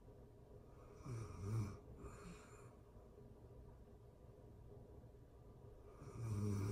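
Quiet, low snoring breaths, two close together then one more after a long pause. Snoring during sleep.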